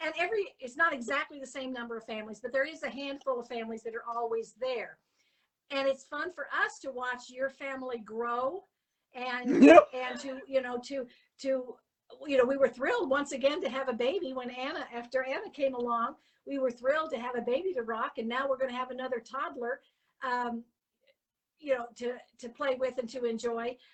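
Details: Adult woman speaking; typical speech.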